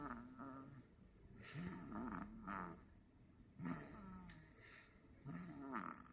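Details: Sleeper snoring peacefully: slow, rhythmic rattling breaths, roughly one every two seconds, with a fluttering snore on inhalation.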